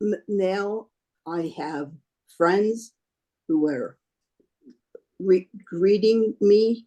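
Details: Adult woman with aphasia after a stroke 3.5 years ago, a choir member; aphasia.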